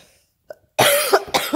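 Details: An adult home sick with the flu and taking Theraflu: a brief faint sound, then a strong harsh cough burst with a second burst following.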